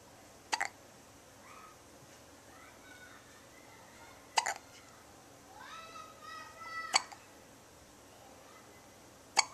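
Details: Two-week-old newborn with hiccups: sharp little hiccups about every two to three seconds, four in all, with soft newborn squeaks and coos between them.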